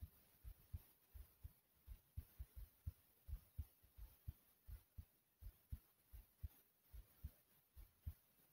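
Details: Heartbeat and heavy breathing recorded after a lot of running in place; breathing really hard after exercise.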